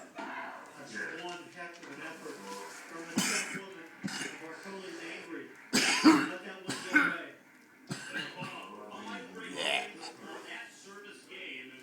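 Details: Adult voicing vocal noises broken by about three sharp, forceful coughs, faint music or sound in background.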